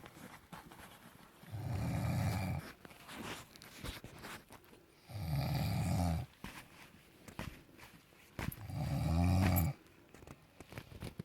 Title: SNORING ABOVE 4000 METRE SEA LEVEL IN MALSHEJ GHAT